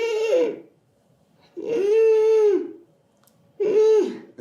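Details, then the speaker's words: Adult imitating stridor, as heard in children: two drawn-out, high-pitched, musical noisy breaths arising from the larynx or windpipe. "So it's it's more high pitched. It comes from the larynx or from the windpipe."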